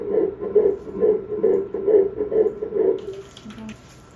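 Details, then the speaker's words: Fetal heartbeat at about 7 weeks of an IVF pregnancy, heard on ultrasound at a fertility clinic: rapid, regular whooshing pulses of roughly 130 beats a minute, faster than at the scan one week earlier, with the embryo grown larger. "오늘은 초음파로 아기 잘 있나 확인하고 심장 소리 들었습니다. 일주일 전에 제가 동네 선부인가에 갔을 때 초음파 봤잖아요. 그때보다 아기 몸집도 더 커지고 심장 소리도 더 빨라졌어요."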